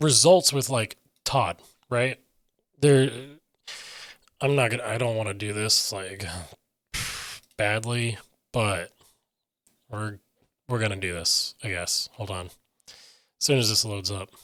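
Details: Aphasia in an adult man who reports difficulty getting words out and sometimes substituting other words.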